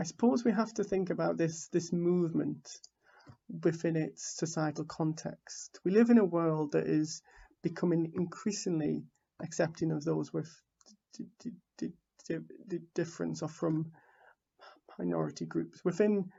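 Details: Stuttering in an adult man from the UK who identifies as a person who stammers, giving a conference talk; repetitions occur throughout.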